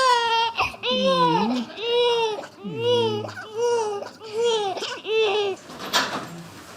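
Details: Repeated strong, clear wailing cries with short gasping breaths between them from a newborn baby boy, 27 minutes after birth, during skin-to-skin with dad; a vigorous newborn cry.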